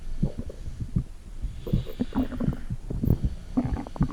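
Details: Bowel sounds recorded with a microphone on the stomach: irregular low gurgles and rumbles from the abdomen, ordinary stomach gurgling of gas and fluid moving.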